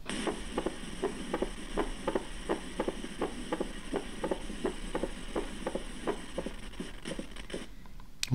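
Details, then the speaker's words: Mitral valve opening snap in a cardiac auscultation teaching recording, played repeatedly. "again, opening snap, mitral valve."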